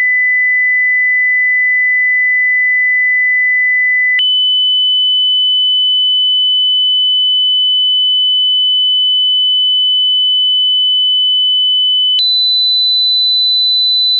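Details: Pure-tone audiology test tones at constant loudness, each played for 8 seconds, rising from low to high pitch; steady tones stepping up in pitch, where failing to hear some frequencies may indicate hearing loss.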